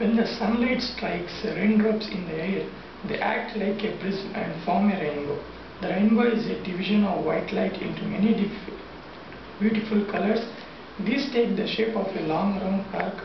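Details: Puberphonia in a 21-year-old man before treatment, reading a passage: high-pitched voice persisting since puberty, with soft voice and voice breaks.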